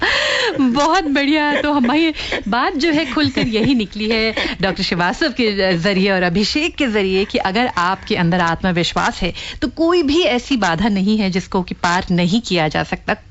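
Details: Adult woman speaking Hindi; normal fluent speech.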